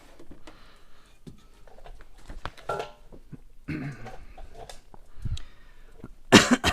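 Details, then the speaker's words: Adult with self-reported bronchial issues, assembling exercise equipment: sharp, loud cough burst near the end, amid quiet room noise and clatter. "my cough, guys. I got some bronchial issues. So you'll hear me coughing and clearing my throat a lot."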